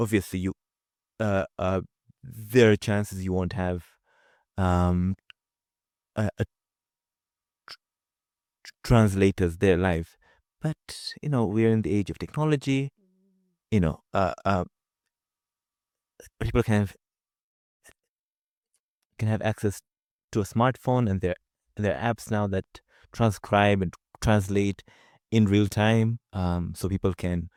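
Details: Adult man from Zanzibar who stutters; stuttering.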